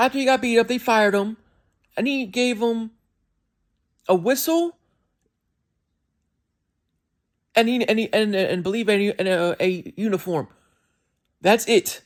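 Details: Adult male with a self-described speech impediment, which can make his speech sound like he is skipping words; disfluent speech with word repetitions.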